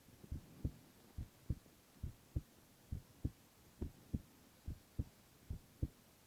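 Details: Male (boy) heart sounds in a silent, no-talking ASMR recording: steady paired low thumps at about 70 beats a minute over faint hiss; normal heart sounds.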